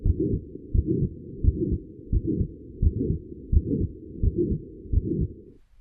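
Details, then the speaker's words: Regular heartbeat near 86 a minute with a rushing crescendo murmur that grows louder between the heart sounds, illustrating murmur shape by intensity over time. "The shape of a murmur is determined by its intensity over time. A crescendo murmur grows louder."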